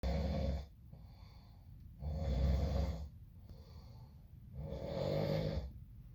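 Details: Brother with infections and a clogged nose: three loud, harsh snores about 2 seconds apart with softer breaths between, congested, rattling sleep breathing: snoring.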